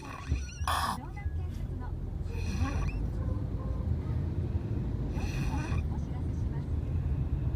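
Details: Person sound asleep inside a car: rough, rattling snore bursts about every two and a half seconds over a steady low engine and cabin hum; snoring during sleep.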